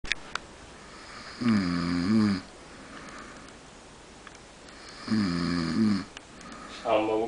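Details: Loud, rattling snores on breathing in, about five seconds apart, with quiet breathing out between, from a man asleep at night; ordinary snoring.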